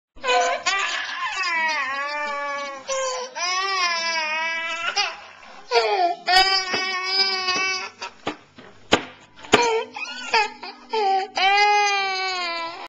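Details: A young child cries loudly in sustained wailing bursts with brief catches of breath, in a small room, recorded on a Flip Video camcorder; crying.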